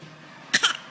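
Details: A young girl gives a brief, deliberate double cough on request, a forced imitation rather than an illness cough.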